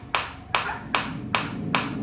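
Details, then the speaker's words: Focused shockwave therapy applicator on the operator's own hand as frequency is raised from 120 toward 150–180, with an audible change: sharp, evenly spaced snapping clicks about two and a half per second. "धीरे-धीरे frequency को बढ़ाएंगे 150 8 में। आप देख सकते हैं क्या change हुआ है। फ्रीक्वेंसी में आपको चेंज आता दिख रहा है। साउंड के साथ भी पता चल रहा है।"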